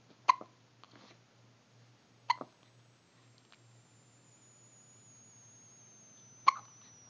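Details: Three sharp, brief hiccups at irregular intervals over about seven seconds, with a faint steady hum in the background.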